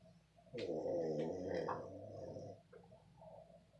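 One long, loud, fluttering snore lasting about two seconds from a sleeping animal; ordinary snoring.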